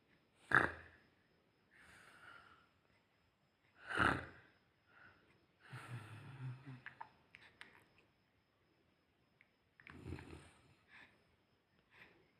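Irregular snorts and breathy snoring sounds with gaps between breaths in a quiet room; adult snoring.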